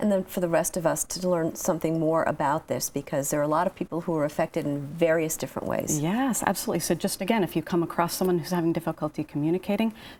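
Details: Adult speakers in conversation, likely a female host and a guest; normal speech.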